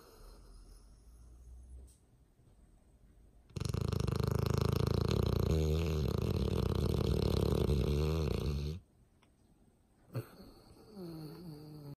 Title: Dog snoring